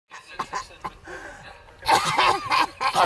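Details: Two people in a coughing fit: rapid run of short, harsh coughs in quick succession; cough.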